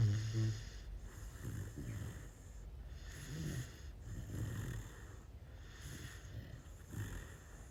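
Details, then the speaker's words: Cane Corso puppy asleep, snoring: low, rumbling snorts and snores at an uneven pace over steady background hiss. "если у вас нет мужчины но вы очень хотите чтобы кто-нибудь храпел вам на ушко рядом то Заведите себе"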